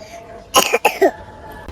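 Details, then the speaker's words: A young child beginning a mild cough gives two quick, light coughs with a faint voiced catch at the end; cough in a child. "ചെറിയൊരു ചുമ വന്നു തുടങ്ങിയിട്ടുണ്ട് തുടക്കത്തിലെ നമ്മൾ ചെറിയൊരു ഒറ്റമൂലി കൊടുക്കുമ്പോഴത്തേക്കും അതങ്ങ് പോകും"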